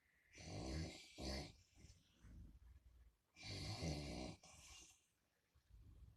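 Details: Snoring in the middle of the night: two loud, rough snores with a rattling, fluttering quality, followed by softer breaths in a quiet room.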